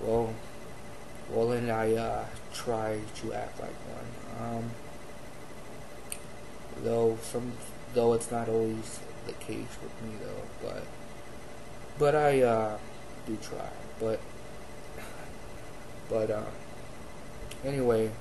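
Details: Adult man who has stuttered since childhood, with a father who also had a speech impediment; stuttering with word repetitions and fillers.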